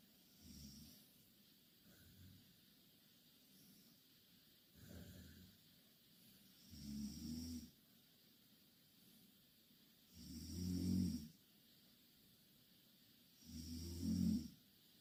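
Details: Two Korean girls snoring loudly in the same bed: low rumbling snores every few seconds, some louder and rougher, quiet breathing between.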